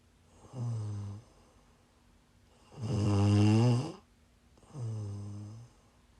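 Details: Snoring while sick, recorded during a live stream: three deep, droning snores on the breath in, about two seconds apart, with a faint steady hum in the room.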